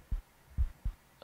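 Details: Normal adult heartbeat recorded at the cardiac apex with a microphone against the chest: deep, soft thumps with near silence between beats, amid background noise.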